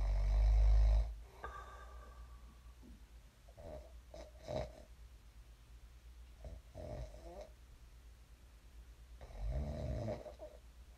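A few low, rattling snores with quiet stretches between, after a brief loud rumble; ordinary snoring in sleep.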